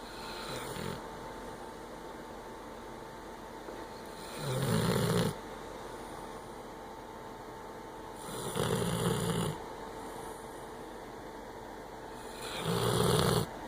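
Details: Sleeping on a lap: three rough, rumbling snores on the in-breath, roughly every four seconds, about 15 breaths a minute, over steady room hum; snoring.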